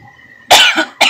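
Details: Adult woman coughing: a harsh, forceful cough, with the start of a second cough at the end.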